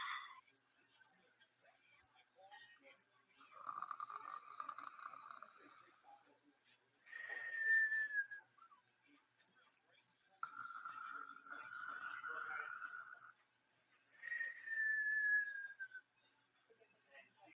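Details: Whistling snore: slow snoring breaths, about eight a minute, some carrying a high whistling tone.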